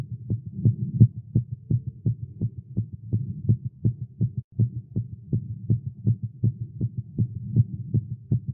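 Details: Male heartbeat after exercise and caffeine: rapid, steady low thumps, much faster than resting; fast heartbeat (tachycardia), tagged as irregular.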